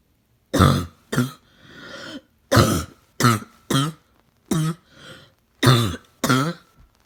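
A child gives about eight harsh, barking coughs, mostly in pairs, with noisy breaths between them.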